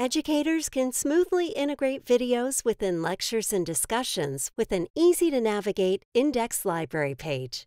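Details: Adult female narrator; normal speech.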